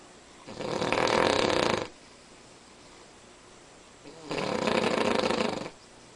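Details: Sleeping Cavalier King Charles Spaniel, described as unusually loud: two long, loud, rough snores, each over a second, with quiet pauses between breaths: snoring.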